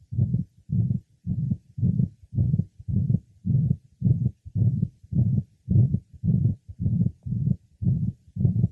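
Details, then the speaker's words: Woman with acute mitral regurgitation and severe heart failure, heard over the pulmonic area: loud holosystolic murmur at about 107/min, decreasing late in systole, with alternation of the murmur and of the second heart sound. "note the holosystolic merma which decreases in the latter part of Cy also note alternation of the merma as well as alternation of the second heart sound severe heart failure is present"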